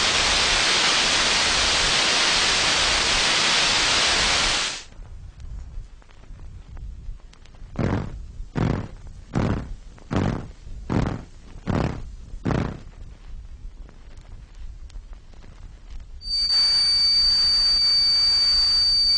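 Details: Synthesizer-made tinnitus simulation (1970s RNID London demonstration record) of what patients with moderate to very loud tinnitus hear continually: hissing noise, then rhythmic pulsing bursts, then a steady high-pitched tone over hiss; tinnitus simulation.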